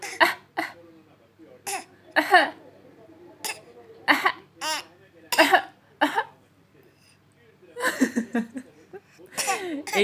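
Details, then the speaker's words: Child deliberately faking coughs as a playful trick: series of short fake coughs with bursts of laughter and giggling between, not illness. "Bol bol öksürük numarası yapıyoruz."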